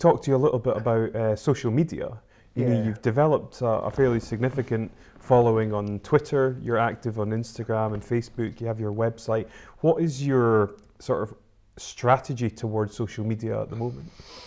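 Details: Adult male interviewer; typical speech.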